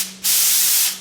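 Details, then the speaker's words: Brief sharp loud hiss of unmixed 100% FiO2 oxygen jetting from the jet ventilation line off the back of an anesthesia machine, faint steady hum; the expected normal jet flow sound, perioperative teaching demonstration. "this is not mixed this is straight 100% fio2 oxygen out of the back of the Machine and since it is not split it gets a higher tidal volume"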